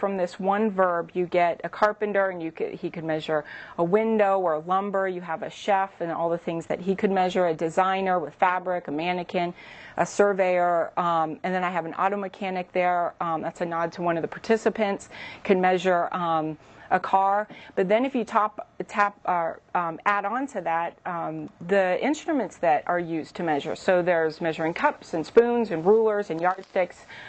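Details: Adult woman speaking; typical speech.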